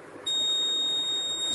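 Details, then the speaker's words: Med-Assist medication reminder device for older people: buzzer sounds a steady high-pitched buzz for 10 seconds with a glowing LED, signalling that medicine from box C is due. "The alarm the buzzer rings indicating the patient and LED is glowing indicating that medicine from box C has to be taken"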